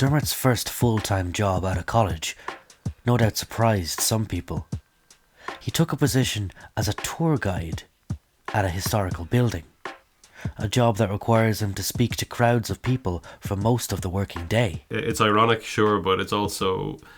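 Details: Adult male narrator; Fluent speech.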